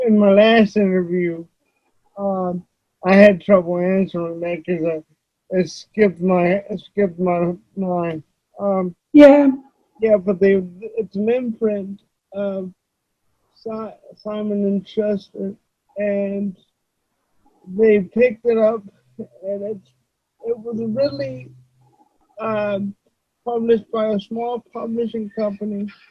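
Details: Adult male with cerebral palsy, who reports that voice-recognition software fails to understand him about half the time; dysarthria.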